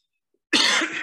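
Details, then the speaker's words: Single harsh cough from an adult speaker who tested negative for COVID about a week earlier and reports a lingering cough. "Jadi ya saya masih kalau misalnya agak batuk-batuk dikit mohon dimaafkan. Ini batuknya agak lama."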